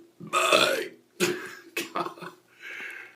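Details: Adult man deliberately burping for a commercial audition tape: several loud, drawn-out voiced belches from the throat.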